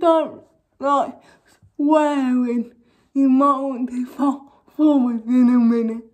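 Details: Young woman with cerebral palsy causing involuntary movements, now wearing braces on her top and bottom teeth; dysarthria in cerebral palsy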